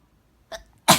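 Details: A quick indrawn breath, then one sharp explosive burst of air from the cat's owner; a single human sneeze.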